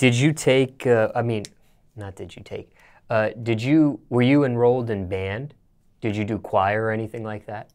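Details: Adult male interviewer; normal speech.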